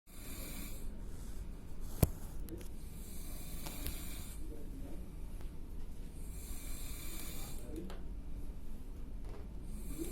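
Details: A person asleep in an office room snores loudly enough to be heard across the room: low, rumbling snoring with rough breaths recurring every few seconds over a steady low room hum.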